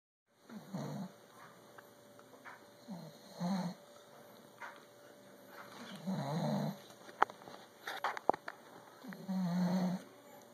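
Rhythmic low, rough snoring sounds with each breath, with a few sharp clicks in between; ordinary snoring.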